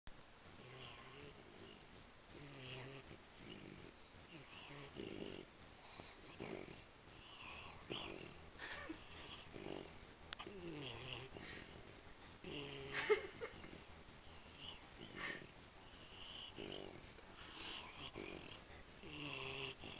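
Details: Sleeping pit bull snoring with mouth open and tongue out: quiet, irregular rattling snores with soft room noise and faint background sounds.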